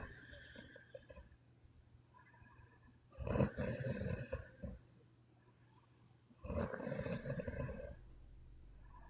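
Two loud, rough, rattling snores on breathing in, with quiet breathing between, over steady room hum; snoring.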